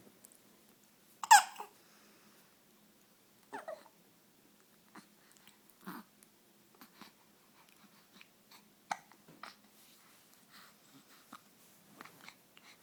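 Quiet room with short, sharp little catches in the breathing every second or two: common, harmless baby hiccups.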